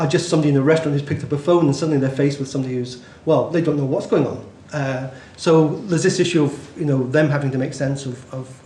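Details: Adult male speaker; Normal speech.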